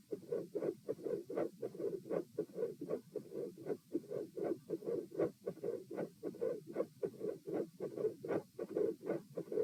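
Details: Quiet, soft mid-systolic murmur recorded at position P with the patient supine: regular heartbeat around 78 a minute with a soft murmur in the middle of each beat.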